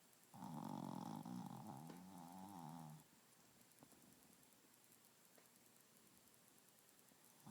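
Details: One long, fluttering, rattly snore lasting about three seconds, then a quiet room.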